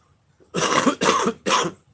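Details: Adult man coming down with an illness after caring for sick family members says he has no real cough: three short, harsh, throaty coughs in quick succession, like clearing an irritated throat.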